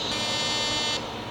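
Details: Fractional laser resurfacing on a patient's neck using a small-dot laser making 0.3 mm channels, targeting the margins of hypopigmented skin; steady high-pitched electronic buzz lasting about a second as the laser fires.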